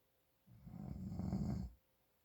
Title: My Dad snoring from congestion